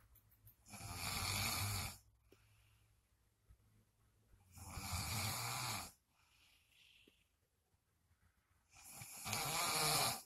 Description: Soooo in denial, but I got proof Baby....YOU SNORE!!! 🤣